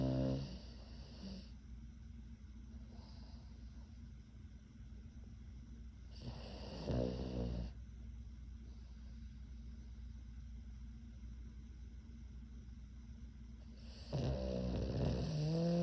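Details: Snoring from an 11-month-old pug puppy sleeping between owners' legs: low snorting snores recurring every several seconds over steady room hum.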